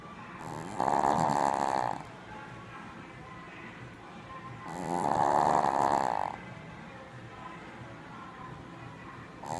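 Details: Tired, sleeping puppy snoring: two long, rattling snores about four seconds apart with quiet breathing between; ordinary snoring.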